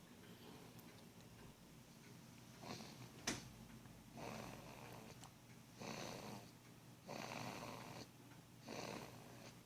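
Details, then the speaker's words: Two-month-old boy weighing 10 lb 9 oz, 57 cm long, asleep after a long day and a doctor's appointment: soft, rhythmic noisy snoring breaths every one to two seconds, with quiet room hum. "this is isaac he's snoring he had a long hard day two months old today had his doctor's appointment 10 pounds 9 ounces that's 4 pounds more than his birth weight 57 centimeters tall because actually i should say"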